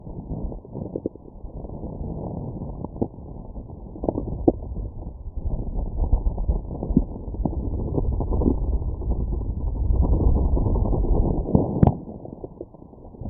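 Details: Stomach growling after eating McDonald's: continuous low rumbling with scattered gurgles and clicks, heard with a Stemoscope; normal bowel sounds of digestion.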